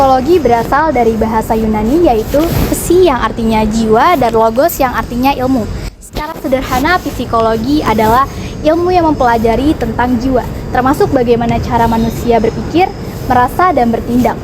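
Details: Adult female narrator; Normal speech.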